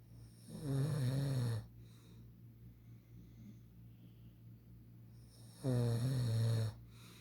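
Two loud, low, rattling snores on inhalation about five seconds apart, with quiet breathing between and a steady background hum.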